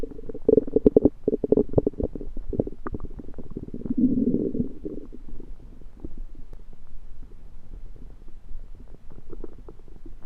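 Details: Belly sounds that began suddenly after eating something self-cooked, suspected undercooked, late February 2023: low gurgling and bubbling rumbles, loudest at the start, with a longer churning gurgle midway; active bowel sounds (borborygmi).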